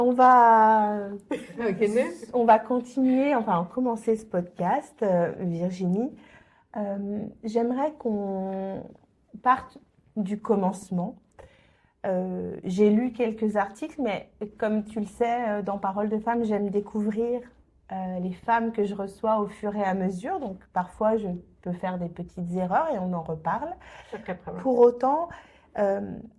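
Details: Adult woman; typical speech.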